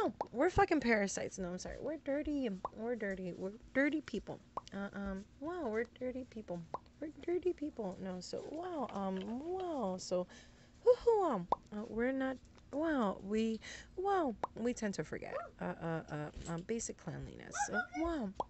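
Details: Woman having tic attacks; interjected 'wow' and profanity interrupt her speech, and she says her tics are coming out really bad; vocal tics.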